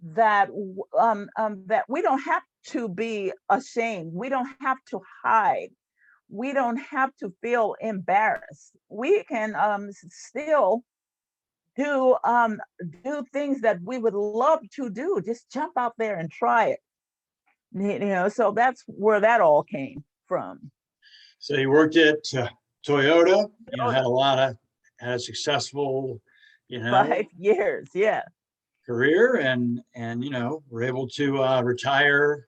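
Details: Stuttering in an adult woman, a stuttering support group leader.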